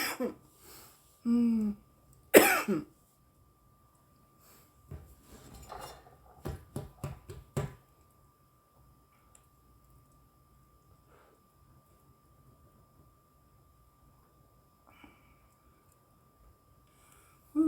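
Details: A woman coughing after smoking cannabis: several harsh, throaty coughs and throat clearing, then scattered handling sounds in a quiet room.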